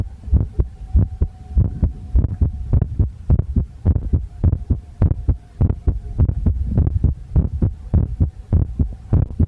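Regular low thudding heartbeats at roughly 100 beats a minute, with a faint steady hum and some recording noise behind.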